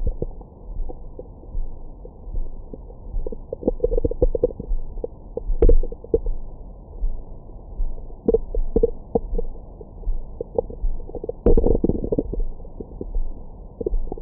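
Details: Bowel sounds recorded with a Stemoscope stethoscope microphone on the belly after a large meal: frequent low gurgles and rumbles with brief squeaks, ordinary active bowel sounds.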